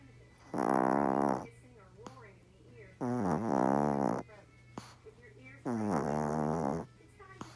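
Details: Yorkie dog sleeping soundly: three loud, rattling, droning snores about every two and a half seconds with quiet pauses between; very loud snoring.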